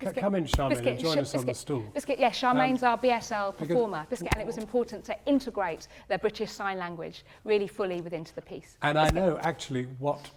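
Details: An actor with Tourette syndrome, performing Beckett's 'Not I' with involuntary vocal tics such as "biscuit", "hup" and "hedgehog" interrupting the monologue; Tourette syndrome vocal tics.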